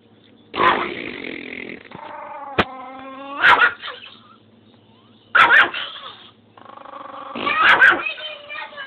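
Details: Old dog's noisy breathing with harsh bursts and drawn-out whistling, musical tones: wheezing from narrowed airways.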